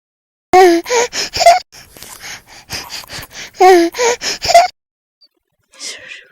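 Quick series of abrupt, gulping hiccup sounds in short repeating bursts.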